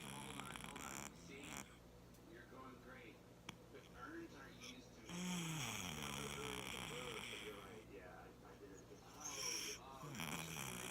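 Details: Sleeping cat snoring: soft, irregular snorting breaths with a low rattle and a few whistly squeaks over light room noise.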